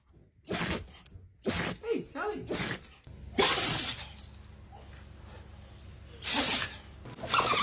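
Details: Dogs in a sneezing compilation: several short, sharp sneeze bursts with background noise and a brief exclamation; sneezing.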